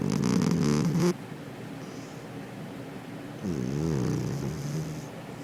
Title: Friendly Cat Snoring